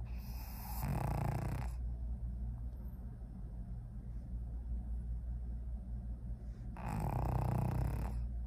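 Two long, loud, rattling snores about six seconds apart, with steady low rumbling breathing in between; heavy snoring in a sleeping pug.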